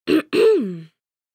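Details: Acted throat-clearing sound effect: a short rough burst, then a voiced, falling, grunt-like clearing sound.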